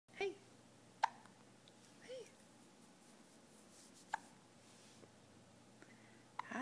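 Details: Three sharp, brief hiccup clicks about three seconds apart from an infant, with soft baby sounds between.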